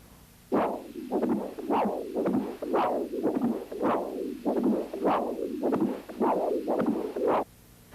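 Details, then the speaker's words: Normal mitral inflow pulsed Doppler from the apical position, teaching recording: rhythmic whooshing about 100 per minute, stronger early E wave (0.66 m/s) in early diastole then smaller A wave (0.4 m/s) with atrial systole. "after mitral valve opening the velocity increases to the e point which is 0.66 meters per second the velocity falls off in mid diastole and then increases again with atrial systole the a point here is 0.4 meters per second"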